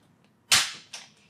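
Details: Chiropractic upper back adjustment for tight trapezius and rhomboids: a sharp loud crack followed by a smaller pop, joint cavitation during spinal manipulation.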